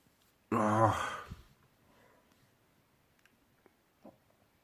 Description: World loudest sneezes: In this video you will watch me sneeze enjoy.